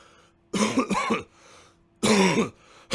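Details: Two forceful, rough, gravelly, phlegmy throat-clearing bursts from an adult man who has had a cold for about a week, separated by quiet room noise; throat clearing from mucus during a cold.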